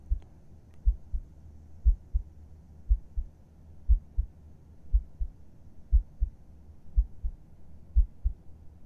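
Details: ASMR heartbeat recording as if heard with the listener's head on the chest at bedtime: soft, regular paired low thumps, about 60 beats a minute, steady and unhurried; normal resting heartbeat.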